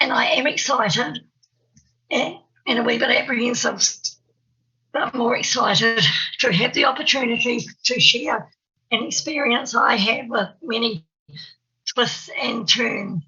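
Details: Stuttering (stammer) in an adult woman, an early childhood teacher in New Zealand, who describes herself as having a stammer.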